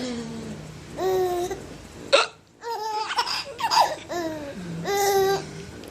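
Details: Father's sharp, abrupt hiccup breaking in among his 5-month-old baby's bursts of delighted laughter, with music: hiccups.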